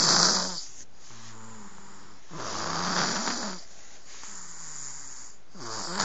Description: My little guy (who is only 11 months old) has been snoring like this for months! Nobody beleives us but here it is!